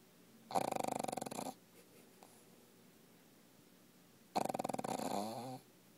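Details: Dog named Lola sleeping in owner's lap and snoring: two rattling, fluttering snores about four seconds apart with quiet pauses between.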